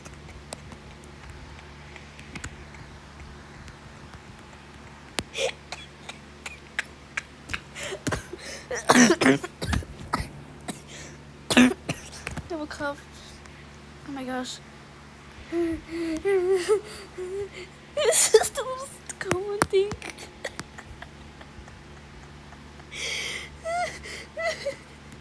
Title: my cough😭- my avatar is so goofy. #fypシ #fyp